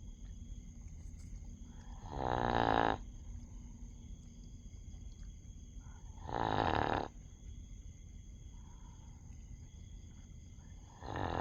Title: dog sleep snoring ☺️😁🦮 #doglover #shorts #pets